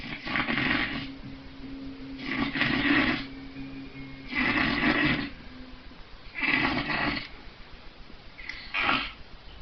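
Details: Extremely loud snoring, reported at 135 decibels: loud, rough, rattling snores recurring roughly every two seconds, about 29 a minute, with quieter breaths between.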